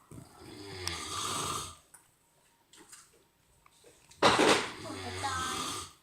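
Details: Adult father snoring: two loud, deep, rattling snores on inspiration separated by a quiet pause; heavy snoring.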